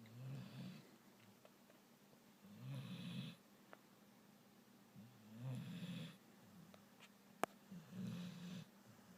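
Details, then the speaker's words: Dog sleeping on the couch snoring: soft, rattling snores recurring about every two and a half seconds, roughly 24 a minute, over quiet room noise. "The dog is snoring. Snoring dog."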